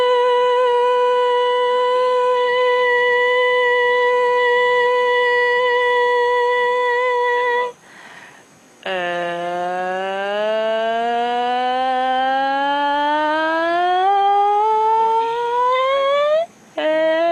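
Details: Woman singing during videostroboscopy showing normal white true vocal folds opening and closing, slowed video; normal voice.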